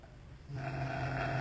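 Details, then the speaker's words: Guard dog snoring at 11 pm, heard from an upstairs window: low, rumbling, throaty noise rising partway through to a steady loud drone. "Tá aí meu cão de guarda roncando bem baixinho. Eu tô aqui na janela de cima do sobrado e acordei com esse barulho."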